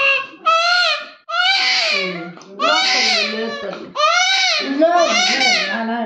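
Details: Loud, sustained crying in long wails with catch breaths between from a baby girl held by her mother, a pain cry after vaccine injections given in the legs.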